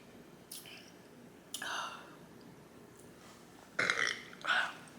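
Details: Woman burping during a ramen and black bean noodle eating show: several short burps over a few seconds, some soft and one pair louder near the end.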